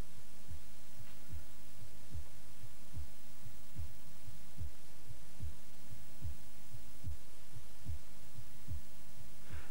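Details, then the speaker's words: Steady, regular low heart thumps at about 73 beats a minute with a faint background hum, heard through a stethoscope in a circa-1972 ITV Schools educational film on the heart and blood flow; normal heartbeat. "the heart which acts as the pumping station always keeping the blood on the move you can feel your heart beating through the skin and you can listen to it through a stethoscope"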